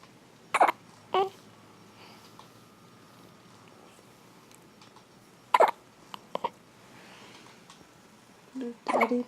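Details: Newborn baby on day two in hospital: short abrupt voiced catches recurring at irregular intervals of a few seconds over a quiet room; hiccups.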